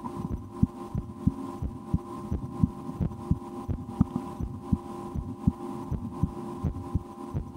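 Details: Adult's own heartbeat through a stethoscope in an ASMR recording; steady lub-dub roughly 80/min over a low hum; normal heart sounds.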